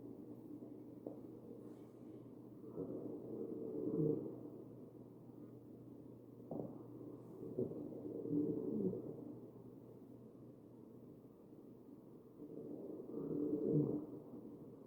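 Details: Wheezing in a patient on a mechanical ventilator: three machine-delivered breaths, about 12 a minute, each carrying musical wheezes.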